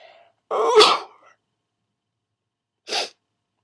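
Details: A voiced, deliberately held-back sneeze burst, then after a pause a second short, stifled hissing sneeze, performed on request; two sneezes.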